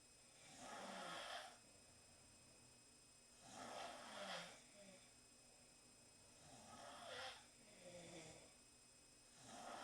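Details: Four girls snoring together in the same room after a long night at centrifuge; soft, regular snores at about 20 a minute, a rough rasp on each breath and a faint whistle on some.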